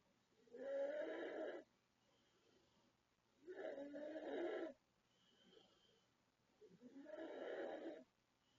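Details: Three long, loud, rough snores about every three seconds with quiet pauses between, from a sleeping 36-year-old woman: very loud snoring.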